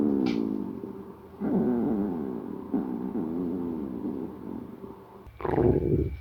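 Long, wavering, pitched growling with a watery gurgle at the end, typical hunger stomach growling; some background noise.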